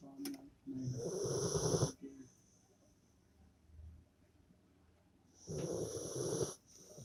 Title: Rottweiler snoring loudly 😍